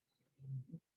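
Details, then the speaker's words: Pet Great Dane snoring in the background while asleep: a single low, rumbling snore. "sorry that's my great dane snoring in the background i know you can hear them"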